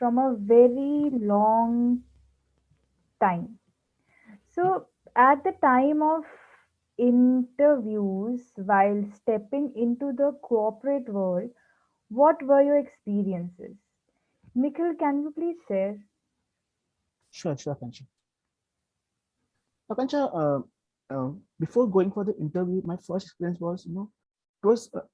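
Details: Stuttering in a person who stammers, introducing a guest in an interview series about people who stammer.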